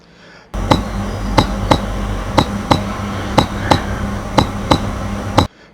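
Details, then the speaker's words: Healthy, steady, regular heartbeat: paired lub-dub beats at about 60 per minute over a low hum, a normal heartbeat. "Let's listen to a healthy, steady heartbeat."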